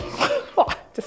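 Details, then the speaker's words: Real sneeze into a face mask, demonstrating how a mask reduces droplet spread: a single explosive sneeze with a quick intake and forceful burst, slightly muffled, then a short breath. "so let's take a look at how this works by sneezing with a mask on as you can see a mask is a really easy way to reduce the spread of droplets"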